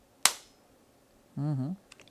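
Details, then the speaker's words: Single sharp snap as a needle-free pressurized intradermal injection pen fires, set to pressure 1 for the face with a 0.05 dose, followed by a brief voice. "Então, através da pressão de um martelinho, de um sistema todo dentro da caneta, o êmbolo é empurrado e com uma velocidade muito grande, a toxina, a mescla para gordura, seja o que for, ela atravessa a nossa epiderme, vai na derme, vai na hipoderme, que é nosso"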